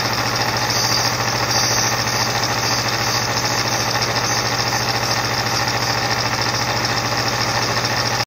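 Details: Nebulizer compressor running during an asthma treatment: loud, steady motor hum with buzzing vibration.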